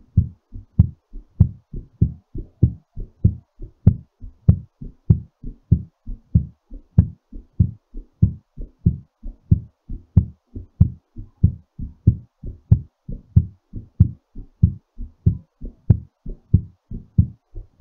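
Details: Heartbeat during recovery after exercise: steady, fast rhythm with clear paired beats at roughly 95 a minute, slowing.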